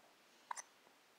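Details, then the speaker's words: A single brief, sharp hiccup then a faint second click in a quiet room, occurring after feeding; hiccups. "do we need to scare you get rid of the hiccups why is this so funny"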